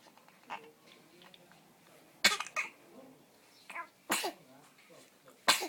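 Three short, sharp catching bursts a little under two seconds apart in a quiet room, typical of hiccups.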